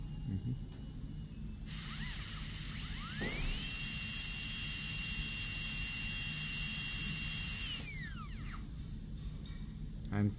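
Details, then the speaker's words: Steady high-pitched whine of a high-speed dental drill, rising and falling as a 330 bur cuts along the buccal groove of a maxillary first molar during MODL amalgam cavity preparation. "So since this portion is kinda taller than this area, I need to use a brush stroke, brush motion to cut, which is a deeper portion, deeper than this 330 bar."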